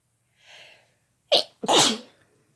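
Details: Two people, a man and a woman, sneezing together: a soft inhaled build-up, then two sharp explosive sneezes in quick succession; ordinary sneezing.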